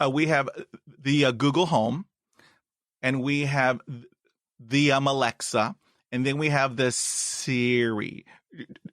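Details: Adult woman, a doctoral student who grew up in China, with a long-standing stutter she once hid and later embraced; stuttering.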